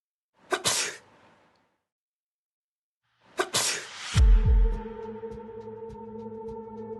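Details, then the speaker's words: Sneezing in a droplet-spread experiment filmed with a high-sensitivity camera: two sharp, explosive sneezes a few seconds apart, a low thud and steady hum after the second. "the experiment starts first sneezing we can see a large droplet about one millimeter in diameter it quickly falls but let's look through the high sensitivity camera"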